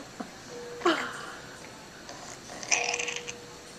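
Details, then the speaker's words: Infant just extubated after ventilator removal: two short, wet, bubbly noises with breathing, upper airway gurgling from secretions. "You can hear all that Gunky. gurgling, yeah."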